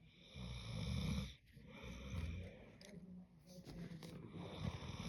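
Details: Sleeping dog snoring: low, rumbling snorts on each in-breath, with a steady high whine in the background.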